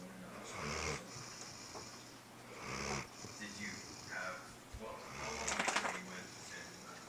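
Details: Great Dane snoring during a nap: low rattling snores with breathy in-and-out cycles from a sleeping large dog in a quiet room; ordinary snoring.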